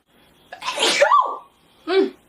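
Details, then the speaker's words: A young woman takes a quick indrawn breath, then gives one loud voiced sneeze and a short vocal sound. Just before, she said she was sure she was going to sneeze; she blamed an earlier sneeze on a cart. "oh my goodness okay I was 109% sure I was going to sneeze I was I was pretty positive"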